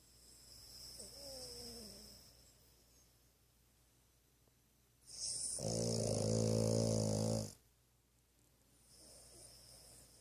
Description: always snores when she sleeps. Some days can be louder than others.